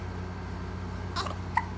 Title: 6weeks old baby hiccups